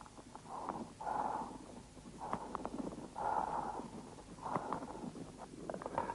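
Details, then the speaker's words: Bronchial breathing over inflammatory consolidation of a lung lobe on lung auscultation: loud, harsh, hollow, tubular breath sounds. "при воспалительном уплотнение доли легкого выслушивается бронхиальное дыхание"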